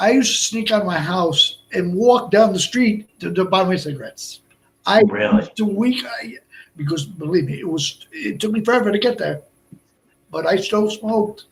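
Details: Adult man with Broca's aphasia from a stroke in March 2011, over 8 years post-onset; also a heart transplant recipient; limited speech, effortful word finding, more difficulty with verbs than nouns; Broca's aphasia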